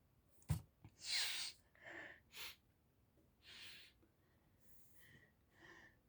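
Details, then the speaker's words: Run of sneezes induced by sneezing powder, in a brother-versus-sibling sneezing test: several breathy bursts and snorts in quick succession with indrawn breaths between; sneezing. "okay but we gonna get started um let's go let's start the sneezing powder let's test it"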